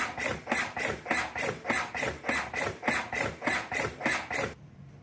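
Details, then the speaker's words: Lucas automated CPR device demonstration: regular rasping mechanical compression strokes at about 100–101 a minute after repositioning the suction cup on the centre of the breastbone, then stopping. "Pause, and then go back to play again, and then redo compressions again."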